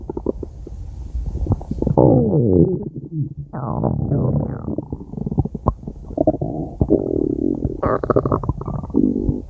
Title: 5 minute stomach growling